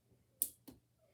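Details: Percussion of the chest anteriorly, posteriorly and laterally during a physical examination practice session: normal splenic percussion resonance.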